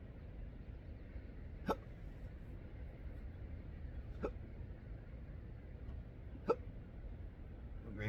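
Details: Adult with intractable hiccups since December 2015, with breathing and choking spasms, burps and developing achalasia III, outdoors at sunrise: three short, sharp hiccups over about eight seconds against steady outdoor rumble.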